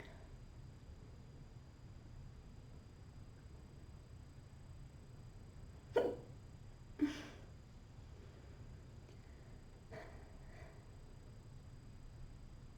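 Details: Hiccup attack in a girl: two sharp, abrupt hiccups about a second apart, then a few softer ones in a quiet room, after which they stop.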